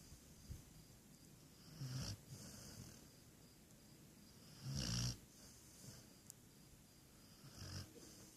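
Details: Snoring: low snorting rumbles with each breath, three in eight seconds, about 20 a minute, over quiet room noise.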